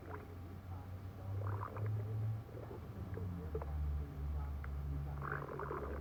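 Continuous low rumbling and gurgling with shifting pitch; normal stomach growling.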